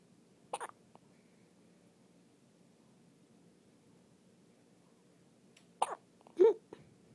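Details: A newborn, a day or two old, still in hospital: a few soft, sudden catches of breath, two close together near the end, in a quiet room; hiccups.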